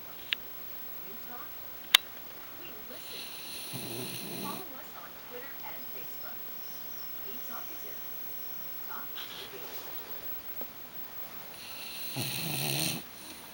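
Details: Sleeping pet dog snoring: intermittent rough, rattly breaths, with a few loud ones spaced apart, over faint room noise.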